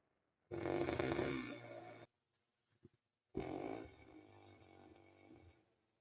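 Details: Snoring recorded by the snorer: two loud, rough, rattling snores separated by a brief quiet pause in a small quiet room; noisy sleep breathing.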